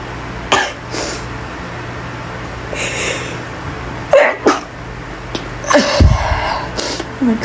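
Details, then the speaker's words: Fit of repeated sneezing in a small echoing bathroom: several sharp, explosive bursts with short vocal sounds between them. The person says they cannot stop sneezing and can barely talk. "I I can stop sneezing oh my God it's [Applause] awful"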